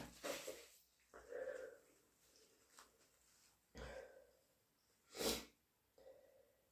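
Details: Cat with allergies; several short explosive sneezes, some soft and one loud, in a quiet room; the first is induced, the second natural, plus a nose blow; sneezing.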